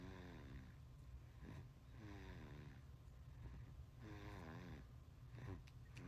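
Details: Soft, rhythmic sleep breathing with gentle buzzing nasal sound on each breath over steady low room noise from a sleeping 5-month-old baby; snoring.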